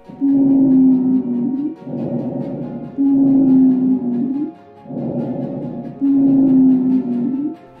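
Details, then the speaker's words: 38-year-old man with coronavirus on day three, worsening, with rising oxygen needs and bilateral patchy lower-zone opacities: faint expiratory wheezing with a steady low musical tone on each breath out; case based on real patient events. "as his disease progressive we now hear faint experi wheezing"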